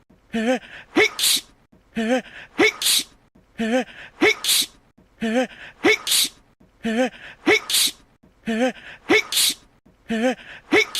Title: Yang Wenli Sneezes for 1 Minute 30 Seconds